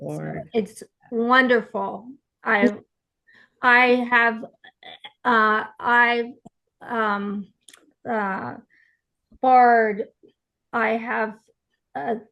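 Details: Real aphasia in an aphasia support group participant speaking conversationally, with hesitations and word-finding pauses; aphasia.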